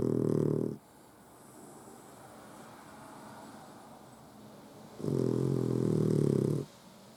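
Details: Sleeping puggle, eyes open, snoring: two long, rough, low snores about four seconds apart with quiet breathing between; ordinary snoring.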